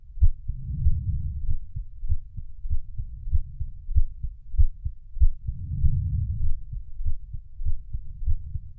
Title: Heartbeat Sounds for Sleep - 30 minutes